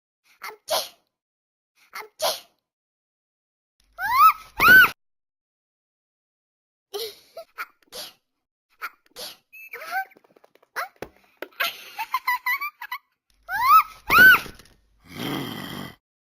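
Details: Repeated cartoonish sneezes from the Talking Angela game character, several quick bursts in a row; simulated sneezing fit.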